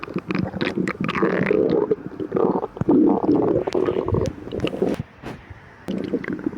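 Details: Person with severe lactose intolerance, fasted 12 hours, before and after drinking milk: busy, continuous gurgling and rumbling from the abdomen with squeaky bubbling tones; active stomach growling, borborygmi.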